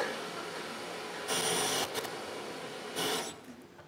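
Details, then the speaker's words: Acetabular reaming during a hip replacement demonstration: two sub-second bursts of harsh grinding and rasping as a powered reamer removes the remaining socket cartilage, preserving the strong bone beneath. "what we want to do is we want to take the cartilage off but leave the cartilage that's or leave the bone that's just below the cartilage in place because it's the strongest bone"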